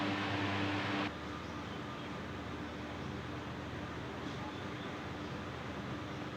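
Steady low mechanical hum with a buzzing motor tone from a running nebuliser compressor.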